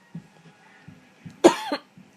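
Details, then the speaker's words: Sleep-deprived adult with a cough for about three days, joking it sounds like whooping cough but saying it is not: one loud, harsh cough with a brief rough tail in a quiet room. "that totally sounds like whooping cough that sounds like whooping cough all right but it's not I promise it's just like I've had like a car for like three days and it's horrific"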